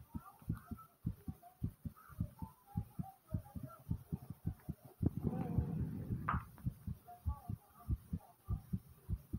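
Fast, strong, steady heart thumps about 105 a minute, with gurgling stomach sounds over them.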